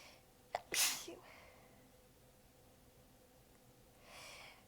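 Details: A quick inhale, then one hissing, partly held-back sneeze and quiet breathing out, from a prolonged sneezing fit; the sneezer was exhausted with sore abs and biting sneezes back.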